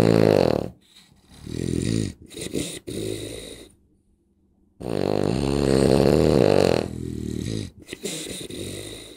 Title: Worst Snoring on Earth